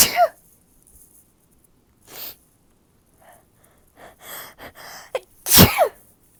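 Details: Two loud sneezes with a vocal, moaning quality, with quiet breaths and inhalations before the final sneeze, producing much nasal mucus; ordinary sneezing.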